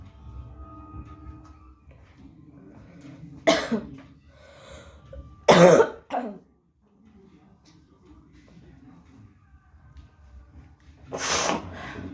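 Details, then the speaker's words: Productive cough in an adult who says they are unwell, with harsh, wet coughs and throat clearing bringing up a lot of phlegm, spat into a bowl; faint background music. "पूरा कफ सी भरा हुआ है यहां और भी हम निकलने का कोशिश कर रहे"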